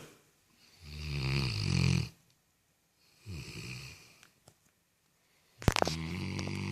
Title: Funny dog ( snoring )